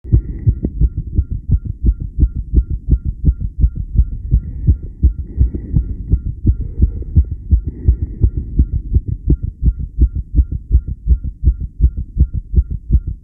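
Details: Tachycardia: a rapid, steady, regular heartbeat at roughly 165 beats per minute.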